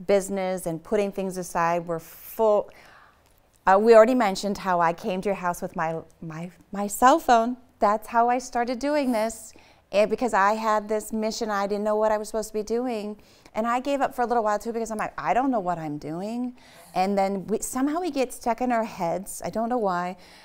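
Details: Adult woman speaking; ordinary speech.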